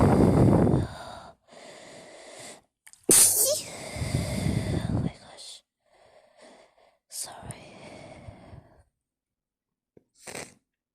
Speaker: I got to sneeze. Excuse me. Excuse me.